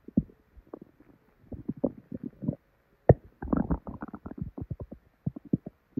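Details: Repeated low irregular fairly loud gurgling and rumbling from a woman's belly: loud bowel sounds after probably expired milk, with very bad diarrhea.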